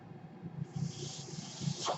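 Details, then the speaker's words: Breath cycle of the speaker's own home mechanical ventilator, audible in the background while they talk. "my name is run in mind that noise earrings my ventilator"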